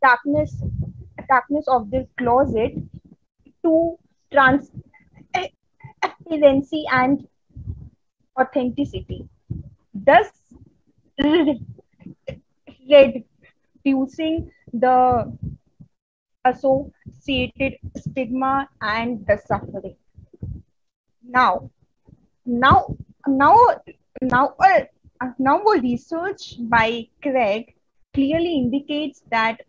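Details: Real stuttering in a woman from India who stutters, a stammering-association member giving a conference talk on women and stuttering: stuttering.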